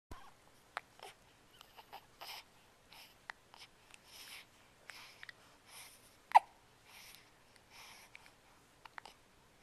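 Soft, short, abrupt catches repeat over several seconds against a quiet room, with one louder jolt: repeated hiccups.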